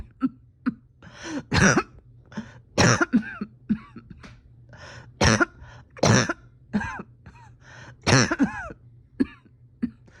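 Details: Painful cough from a patient reporting a tight chest and steady oxygen levels after a rough weekend: about six clusters of harsh coughs over ten seconds, with throat clearing and strained catches between.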